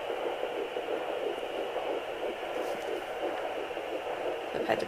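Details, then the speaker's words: Home fetal Doppler in early pregnancy, about 8 weeks, third pregnancy, probe low and angled toward the pubic bone: faint, rapid rhythmic whooshing through steady Doppler hiss, a very faint fetal heartbeat; the displayed rate is doubted as correct. "I've got it it's very faint that fasted agenda today that's beans heart I don't think that the rate is correct on area it's very faint being so early"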